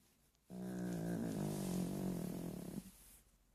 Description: Dog snoring as he sleeps.